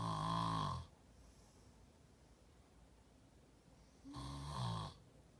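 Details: Brother snoring in sleep: two deep, rattling snores about four seconds apart with quiet breathing between.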